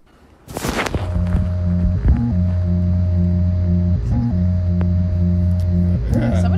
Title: Daily Dose Of Internet | This Is What An Artificial Heart Sounds Like